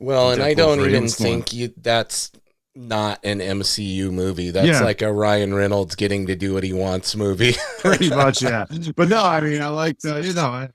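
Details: Adult male speaker, podcast conversation; normal speech.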